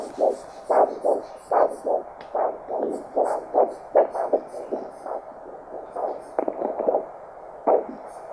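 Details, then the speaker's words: Regular whooshing pulse bursts, about 75 a minute, each with a multi-part swish: a normal triphasic waveform over the brachial artery on a handheld Doppler during ankle-brachial index testing. "no that's a nice signal it's a normal triphasic pulse waveform that we're hearing with our Doppler"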